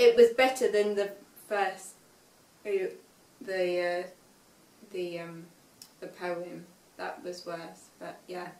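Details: Young woman, 5 years after a stroke at age 18, reading aloud an unseen text; reading has been difficult since the stroke; aphasia.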